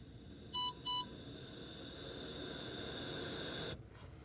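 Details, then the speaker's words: ResMed Astral 150 ventilator in dual-limb invasive setup, running its circuit self-test with the circuit end blocked: two short beeps, then a steady soft airflow hiss that stops; all tests passed. "so now I want to block the end of the circuit like so press Continue okay so you'll notice that we passed all of our tests"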